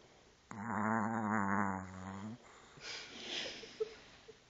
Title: Snoring Chihuahua Dreaming With Eyes Open